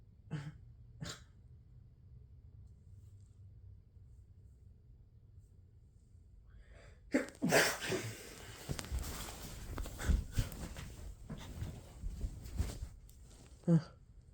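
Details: Huge sneeze: two small sniffs, then a burst of loud sneezes with snorting and a final sneeze, in a quiet room.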